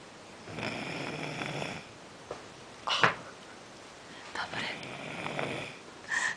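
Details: Young girl snoring during sleep: irregular, noisy, breathy snorts and snuffles with brief sharp bursts.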